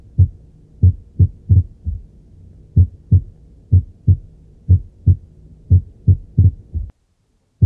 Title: Auscultacion de las extrasístoles ventriculares